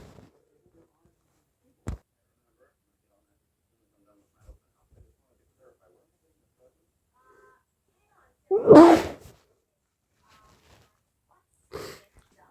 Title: sneezing fit and nose blows